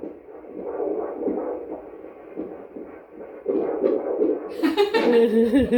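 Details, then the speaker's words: Fetal Doppler at 39 weeks of pregnancy on a very active baby girl: a rapid whooshing heartbeat near 160 a minute, broken by loud scraping noise as the fetus kicks and moves. "She sounds really good. Yeah. The whole belly was going. Yeah. It's an They active don't like baby. what is it called? The Doppler. Doppler. It's an active baby, my friend."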